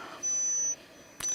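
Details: Pure-tone audiometry test tone heard during a hearing-aid fitting visit for a woman with tinnitus, as the audioprosthetist adjusts and enriches the sound.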